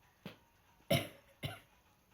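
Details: Cough in a child home sick from school: three short, separate cough bursts, the middle one loudest, in a quiet room.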